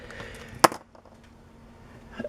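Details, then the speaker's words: A single sharp, explosive sneeze from an adult woman whose allergies are really bad, followed by quiet with faint room noise. "excuse me I'm not going to edit that out you could hear how I sound when I sneeze allergies are really bad right now"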